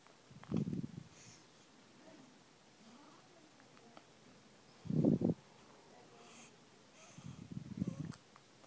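Three short, abrupt low-pitched bursts about four seconds apart, in a quiet room; hiccups.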